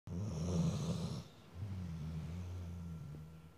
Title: When you're own snore sneaks up on ya.